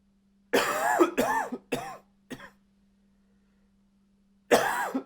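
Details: Male acting a dry, slightly barking cough, a quick fit of four coughs then one more; dry barking cough.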